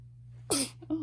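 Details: A sneeze from someone described as more alert every day, recorded alongside a yawn: a single short, sharp sneeze burst after a quiet pause, followed by a brief soft vocal sound; an ordinary sneeze.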